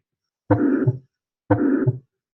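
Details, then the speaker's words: Mitral regurgitation heard at the fifth intercostal space, midclavicular line, near the PMI over the mitral valve: a holosystolic murmur filling the interval between S1 and S2. "this is also a systolic murmur love washed up love washed up you're hearing that in between the s-1 and s2"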